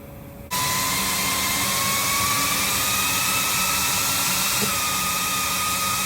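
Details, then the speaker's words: Avea ventilator running its extended self-test (EST) with nasal cannula tubing attached for a baby: steady loud mechanical whir with rising whine; calibration successful. "So, now we're going to click continue and it's going to do its thing."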